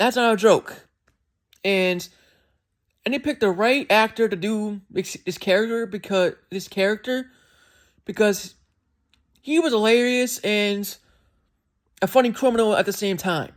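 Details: Speech disfluency with word and phrase repetitions in an adult man who says he has a speech impediment and does not always speak perfectly.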